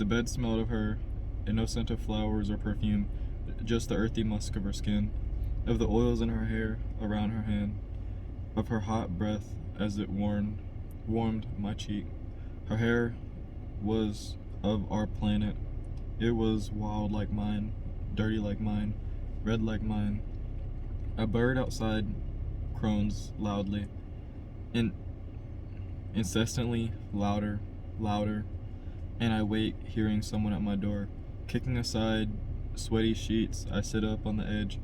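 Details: Adult man who stutters, by his own account a little, reading a novel chapter aloud as practice to help his stutter; word repetitions; stuttering.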